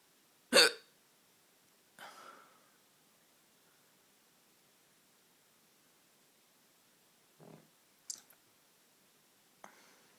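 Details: Repeated hiccups: five sharp, abrupt hiccups spaced irregularly over ten seconds in a quiet room.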